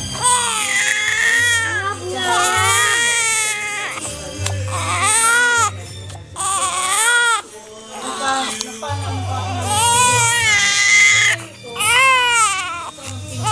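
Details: Loud, repeated wailing cries from a baby with short gaps for breath, over adult talk and background music; infant crying.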